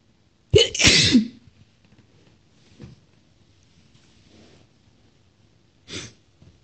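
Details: Female sneezing; one loud sneeze with a sharp intake and explosive burst, followed by quieter breaths and a small sniff.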